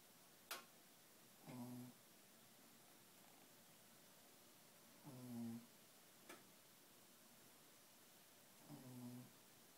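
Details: A sleeping Shih Tzu snoring after a hard day: soft, regular buzzing snores about every three and a half seconds, roughly 16 a minute, in a quiet room.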